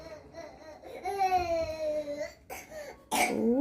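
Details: Chubby baby with fever, cough and runny nose, less active than usual; cries, then gives a short cough and a harsher cough burst.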